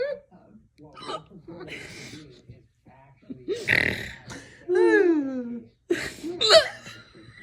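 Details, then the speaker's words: Several abrupt, sharp-onset bursts at irregular spacing, some with a brief voiced squeak, among other voice sounds, from a girl described as having "man hiccups"; hiccups. "My pretty little princess with man hiccups."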